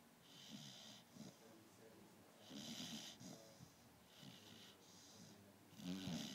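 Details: Beagle snoring while asleep: rhythmic snores with low rattling breaths and hissy noisy phases roughly every 1.5 seconds.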